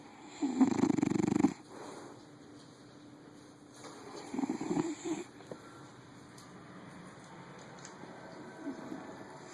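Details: Snoring in a sleeping pet: fluttering, rattly breath sounds about every four seconds, loud at first then fading.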